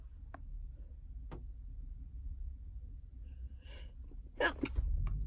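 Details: Sneezing while sick and tired: a quiet inward breath, then a burst of stifled sneezes near the end over low room hum; an unusual, hard-to-stop sneezing episode.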